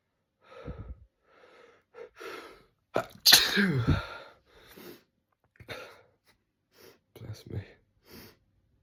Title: Morning Sneezes